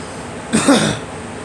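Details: A girl's single short, loose cough or throat-clearing burst in a quiet room.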